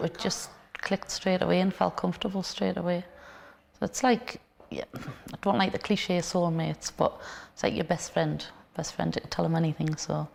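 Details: Adult woman speaking; ordinary speech.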